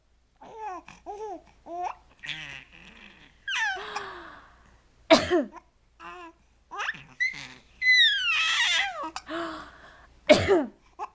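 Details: Infant babbling and squealing, broken by two short, sharp bursts like small coughs in a quiet indoor room.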